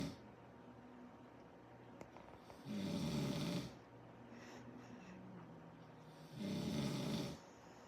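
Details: Two sleeping coyote brothers snoring: two long, low rumbling snores on the in-breath several seconds apart, quiet breathing between.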